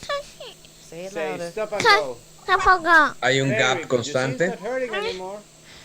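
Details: Girl about seven years old with a submucous cleft palate and velopharyngeal insufficiency persisting after Furlow palatoplasty; 22q11.2 syndrome suspected; audio recorded during nasoendoscopy; hypernasal speech from velopharyngeal insufficiency.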